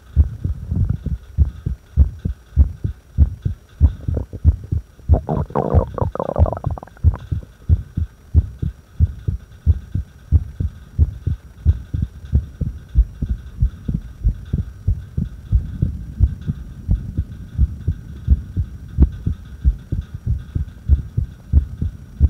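Low, dull heartbeats at about 92 a minute with uneven spacing, an irregular heart rhythm.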